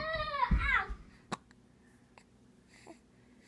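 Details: Baby girl with hiccups, about to be put down for a nap; a brief infant cry that quickly fades, then a few small hiccup-like clicks in a quiet room; infant cry.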